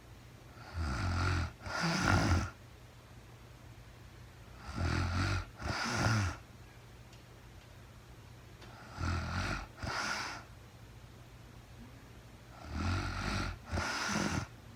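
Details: Real-time recording of a woman asleep at night, no talking, very tired: four breathing cycles over about 15 seconds, each with paired rough, rumbling snores, about 16 breaths a minute; ordinary snoring during sleep.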